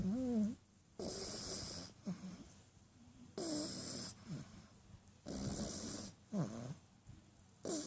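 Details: French Bulldog puppy snoring while asleep: rhythmic raspy snores at about 28 breaths a minute with brief squeaky whistling notes between them.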